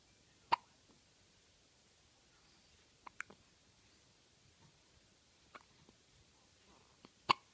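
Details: Sharp, brief clicks at irregular intervals, about six in seven seconds: hiccups.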